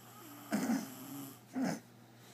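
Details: Two low, rough, rattling snores during sleep: snoring.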